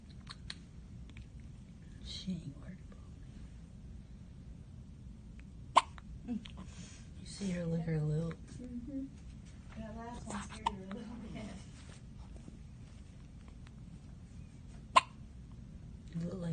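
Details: Day-old newborn girl's first hiccups, seemingly putting herself to sleep: brief sharp clicks at irregular intervals over soft room noise and faint voices.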